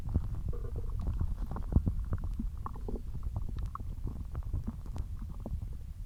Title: Stomach Growling